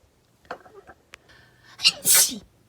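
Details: Adult woman during a live stream: soft speech, a quick inward breath, then one sharp, hissing sneeze burst; a single ordinary sneeze.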